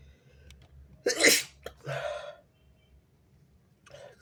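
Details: Stuffy-nosed person pinching their nose to bring on a sneeze: a sharp, explosive sneeze with a quick intake before it and a short breathy exhale after.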